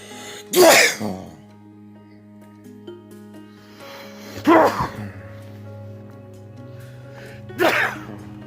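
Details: Three loud, explosive sneezes with sharp bursts of air, over soft background music.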